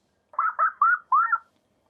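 Four short, thin, muffled laugh bursts with a whistly tone and no depth or crispness, simulating how a laugh sounds with moderate hearing loss.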